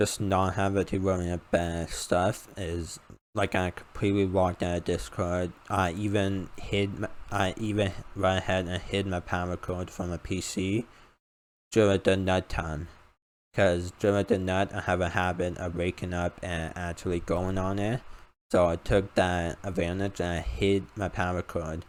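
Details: 19-year-old male college student with a self-described uncontrollable speech impediment; about 10 years of speech therapy; formerly used an iPad talking device, not needed for about three years; finding: speech impediment (articulation disorder).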